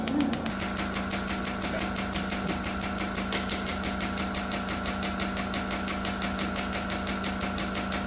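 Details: Shockwave therapy to treatment sites for lower back pain and hip mobility: rapid regular tapping pulses, about two per second, over a steady hum from the handpiece firing during treatment.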